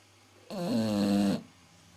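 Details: Staffordshire bull terrier snoring in sleep: a single loud, buzzing, fluttering breath under a second long with a vibrating tone.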